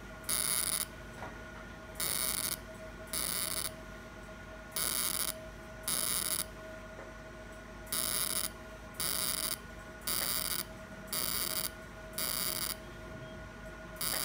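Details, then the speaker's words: Fractional CO2 laser firing short high buzzing pulses about once a second over a steady hum, treating non-hypertrophic areas of an accident scar on a man's hand after mesotherapy. "so we will cover all the star area whether hypertrophy or non hypertrophy so right now I am working on non hypertrophic area"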